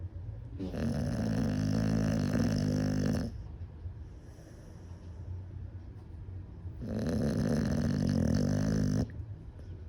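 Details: American Bully dog (female) snoring after a sleepless night of New Year's Eve fireworks: two long, loud, fluttering snores about four seconds apart, with quieter breathing between.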